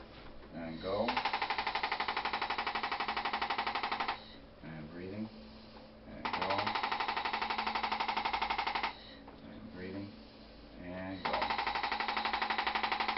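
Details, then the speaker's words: Trigenics percussive treatment gun on the hip/gluteus minimus of a woman with snapping hip syndrome and hip pain: three bursts of rapid, even mechanical buzzing with murmured sounds between; percussive treatment device sound. "there's two different trigenics guns that we have here depending upon what condition we're using multiprogramming any probe here although this can also be a buy probe and all of them are designed to increase tissue tissue distortion mechanoreceptor stimulation maximally"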